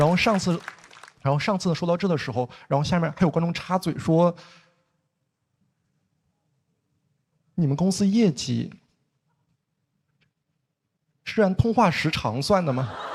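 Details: Male stand-up comedian who says he has a stutter, performing on stage; stuttering.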